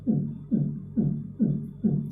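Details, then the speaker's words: Regular, fast heartbeats about 130 per minute with a low humming tone, used to illustrate the cardiac cycle; normal lub-dub heart sounds. "तो sound आएगी लब dub लब dub लब dub लब dub, like इस तरह। Okay, तो लब डब लब डब लब डब लब डब ऐसी आवाज आएगी।"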